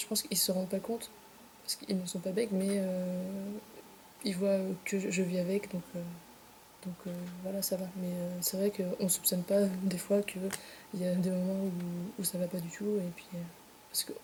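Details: Stuttering in a 25-year-old woman, a real (not acted) stutter whose onset she links to her separation from her twin brother.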